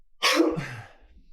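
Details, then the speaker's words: Adult man with a bad, persistent cough that day, struggling to breathe quietly, gives a single harsh cough burst followed by a fading rough tail. "i'm sorry no man i feel i feel embarrassed this cough is [ __ ] kicking my ass"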